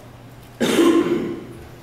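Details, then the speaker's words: Tenth-grade boy with Tourette syndrome makes one abrupt, voiced cough-like throat noise with his mouth: a simple vocal tic. "um I also if you don't notice I go you know I make noise with my mouth you know like something like that"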